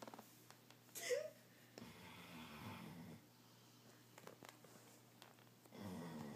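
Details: Soft, irregular snoring and snuffling breaths against faint room noise, during sleep; snoring.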